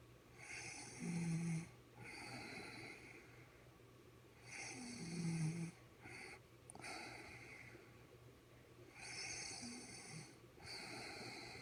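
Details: Loud, rough snoring from an adult woman after eating a lot of chicken for dinner, with a low rattling vibration on each breath and hissy breaths between, about 15 breaths a minute.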